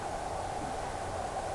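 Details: Steady hissing static from a Hi Bebe home fetal Doppler just switched on, with no heartbeat picked up. The pregnant user has had four previous miscarriages.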